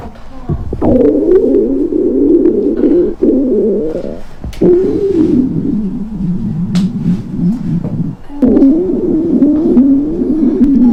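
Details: Woman with sudden abdominal pain: long, loud, low gurgling and rumbling stomach sounds with brief pauses. Borborygmi.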